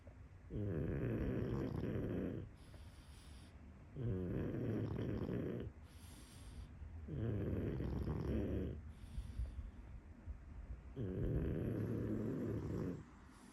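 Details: Snoring from a sleeping full-breed pug, with loud, rattling in-breaths and soft airy out-breaths at about 18 breaths a minute.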